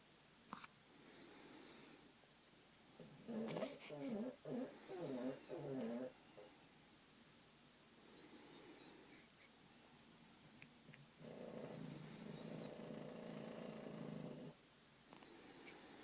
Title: Pug snores in background while cute baby sleeps